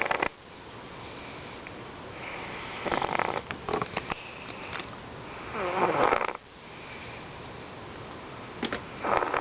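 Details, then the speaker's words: Cat named Harley snoring while asleep: loud, rattling snores, about three in this stretch, over a steady room hiss. "Harley. Harley. Dude, you're snoring."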